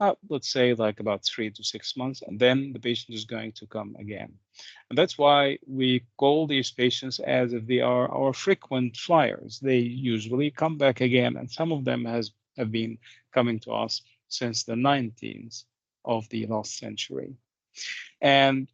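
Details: Adult male speaker; typical speech.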